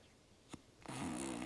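An imitated snore: a single low rattling, flapping sound lasting about a second, growing louder at the end. This is palatal flutter snoring, where a soft palate and uvula stretched by long-term snoring vibrate like a flapping curtain.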